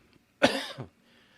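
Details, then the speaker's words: A single short, harsh cough, about half a second long, from an adult with a lingering cold. "so apologies folks I've had a cold the last few days and it's kind of hanging on so you might hear it a bit of my voice and you'll hear some coughs every now and then so apologies ahead of time"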